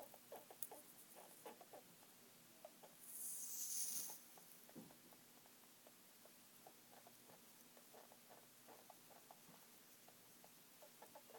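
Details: Female pet rat making noises only while asleep, not when running around; owner unsure whether dreaming or sick: soft, rapid squeaks and clicks in irregular runs, with one brief burst of hiss.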